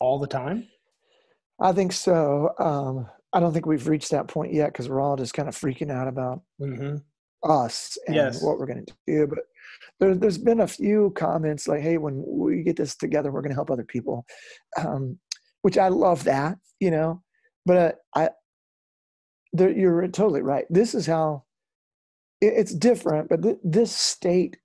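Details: Adult male former rock lead singer whose spasmodic dysphonia began at his career peak, first taken for hoarseness; incurable, doctors could not fix it, still audible today; spasmodic dysphonia.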